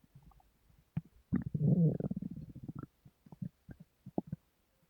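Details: Sleeping woman's stomach rumbling: low gurgling and bubbling from the belly, one longer rumble then short pops; stomach rumbling she describes as grumbling too much.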